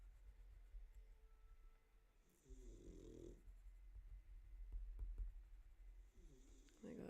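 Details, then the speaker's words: Soft, low rumbling snore bursts from a sleeping dog, heard faintly beneath steady room noise during a live drawing session; snoring. "I can hear that snoring."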